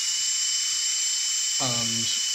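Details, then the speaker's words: Off-the-shelf air turbine dental drill handpiece used as a DIY turboexpander, disconnected from its load and running unloaded: a steady, piercing high whine as it quickly reaches full speed, with a brief voice partway through. "so I've cut the shaft coupler and there's no connection to the motor anymore so the turbine runs unloaded so if apply some air quickly reaches full speed"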